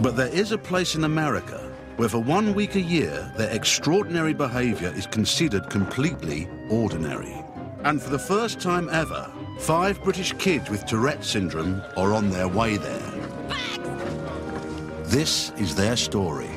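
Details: Adult male narrator; normal fluent speech.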